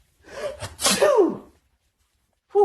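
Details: Father draws in breath, then one loud, explosive 'achoo' sneeze, followed by a brief voice, sneezing to make a baby laugh and copy him: sneezing.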